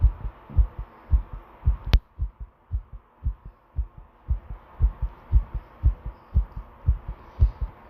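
Regular low thumping heartbeats at roughly 110 to 115 a minute, strong and pounding, with one sharp click partway through.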